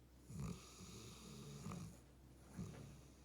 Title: Intense dream and big snores